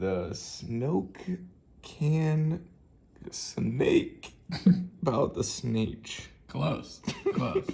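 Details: Man with aphasia after a left-hemisphere stroke from a ruptured AVM, a few months post-stroke in early rehab, reading a sentence aloud with word errors.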